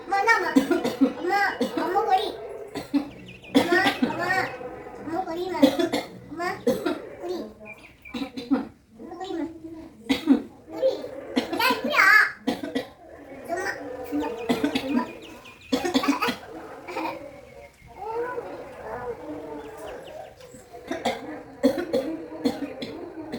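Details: Mother deliberately fakes repeated forced coughs as a prank to see her baby's reaction; a young child's voice and background music are heard; feigned cough.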